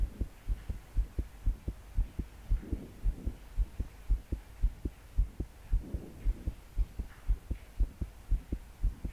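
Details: 22-year-old female's pounding heartbeat with breathing sounds while trying to fall asleep, body shaking with each beat despite deep breaths; heavy rain in background.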